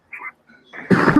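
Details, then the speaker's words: Cough that night, recorded during a ghost box session: faint noises, then one harsh cough burst. "Man, I got freaking cough tonight."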